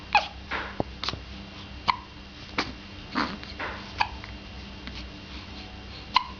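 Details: Hiccups: brief, sharp, voiced catches repeating every second or so, about six in six seconds, in a quiet room.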